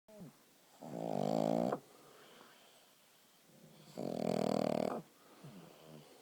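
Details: Pug: loud rattling snores, about one second each, repeating every three seconds or so, with quieter breathing between; snoring in a short-nosed dog.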